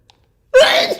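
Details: One sharp voiced sneeze with a short tail after a brief quiet pause, from a celebrity sneezing compilation.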